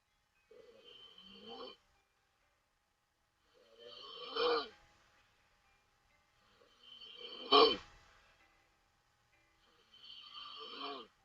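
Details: A Taiwanese woman asleep during a livestream gives four loud, rattling, open-mouth snores with quiet pauses between, about 19 breaths a minute, with background music: loud snoring.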